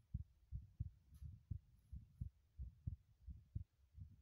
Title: heartbeat sounds while running in the bathroom ASMR